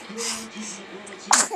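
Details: Pet named Riley takes a hissing nasal inhale, then gives one sudden, sharp sneeze.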